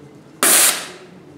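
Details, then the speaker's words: Oxygen cylinder main valve opened slowly during cylinder preparation until the rush of oxygen is heard, then quickly closed with the cylinder facing away from people; a sudden loud hiss under half a second, then fading. "slowly open the oxygen cylinders main valve until the rush of oxygen is heard"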